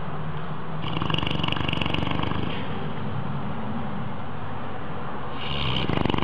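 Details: Loud, continuous low rumbling snore with a fast flutter, close to a purr, swelling with each breath; snoring in a resting cat.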